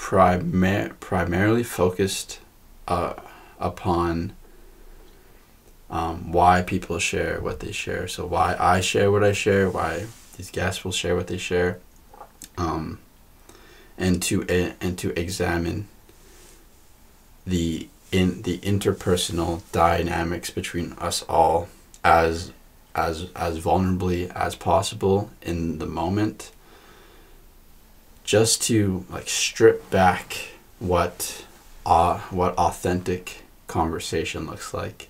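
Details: Adult female podcast guest who stutters, noted to be stuttering much more than usual in this conversation; repetitions of words and part-words; stuttering.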